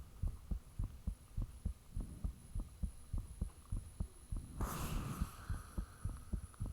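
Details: Self-recorded own heartbeat with the fan turned off, taken shortly after the heart began feeling unusually thumpy: rapid regular low thumping about 100 beats a minute, a brief rushing noise partway, faint steady hum behind.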